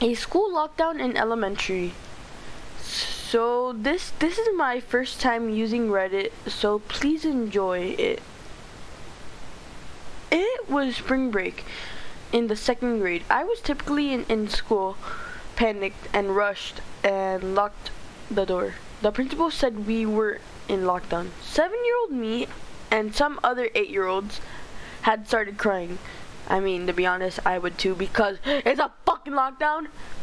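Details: Stuttering in a male narrator reading a story aloud; he says he stutters a lot and reads badly.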